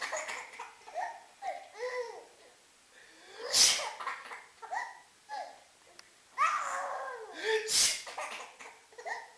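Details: Baby sneezing: two sharp sneezes amid bursts of the baby's giggling and laughter.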